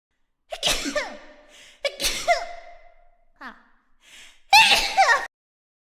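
Acted sharp, voiced gasping inhalations, each followed by a forceful sneeze burst, in a voice-acted animation.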